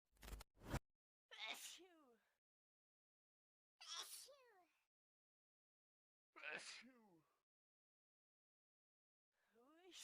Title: In 54seconds ,you can hear 25 types of sneeze